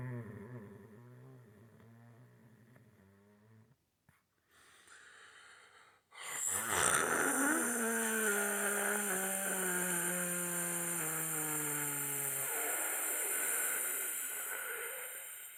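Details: Snoring: an Italian man gives a few seconds of low, rattling snoring, then a brief silence and a sudden loud scream-like blast added as a jump scare.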